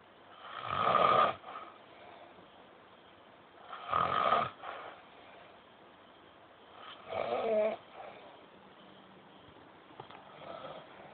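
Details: Old men snoring at night: three loud, rough, rattling snores on breathing in, about 3 seconds apart, near 19 a minute; ordinary adult snoring.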